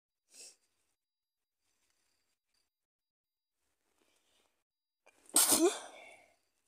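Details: Sneeze in a person with a cold: a faint sharp intake, a pause, then one loud explosive sneeze with a trailing exhale.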